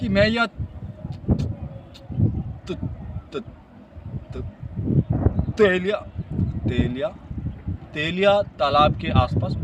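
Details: Adult man who stammers, demonstrating a post-block correction technique: after a block on an unclear syllable he repeats only that syllable until correct, then finishes the sentence; stuttering.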